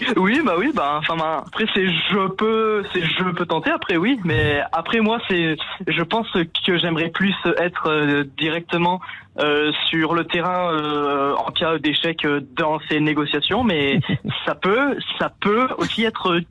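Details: Stuttering in a 17-year-old male caller who says his stutter is currently at its lowest.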